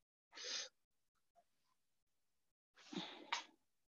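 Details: Harsh, noisy breaths drawn in with effort, separated by quiet pauses, played in an ENT lecture on stridor: inspiratory stridor from a narrowed upper airway.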